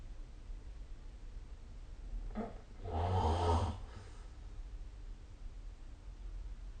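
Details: Snoring during sleep, recorded with the SnoreLab phone app.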